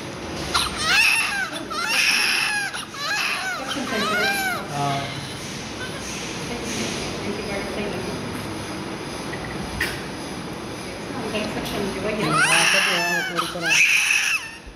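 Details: Newborn baby just after a difficult birth with labour pain: short, high-pitched cries in bursts over steady room noise, quieter in the middle and louder again at the end; newborn cry.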